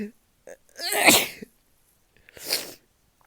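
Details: Morning sneezing in someone who woke up this way and thinks they are sick again: two sneezes, each a sharp intake of breath followed by a loud explosive burst of air.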